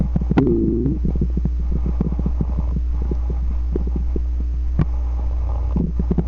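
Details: Stomach growling (borborygmi): gurgling, bubbling bowel sounds with a brief growl over a steady low hum.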